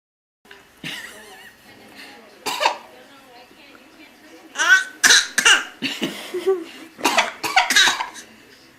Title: Contagious Coughing.wmv